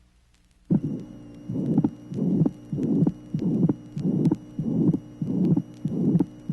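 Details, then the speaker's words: Teaching heart recording from 1967, tracing 19: ventricular septal defect, regular heartbeat near 97/min with a long harsh pansystolic murmur filling systole and a widely split second sound. "tracing number 19 interventricular septal defect pan systolic murmur widely split second sound"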